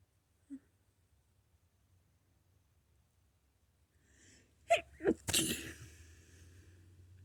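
A quiet room, then a sharp in-breath followed by an explosive sneeze and a trailing exhale. A single ordinary sneeze.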